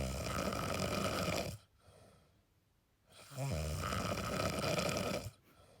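Two long, loud, rattling breaths with a quiet pause between: heavy snoring.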